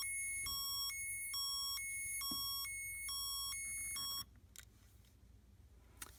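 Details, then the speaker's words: CADD Legacy infusion pump for pulmonary hypertension therapy (epoprostenol/Remodulin), line deliberately clamped in demonstration: five short, fairly soft high-pitched beeps in steady rhythm; occlusion alarm, not loud, so patient door should stay open. "there I purposely clamped the line so you could hear what the alarm sounds like as you heard it's not that loud that's why the patient door needs to be open so you can hear if the pump is alarming at any time"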